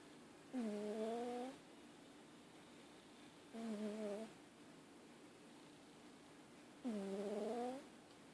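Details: A cat snoring: three tonal, buzzing snores, each about a second long, at about 20 a minute, over quiet room noise.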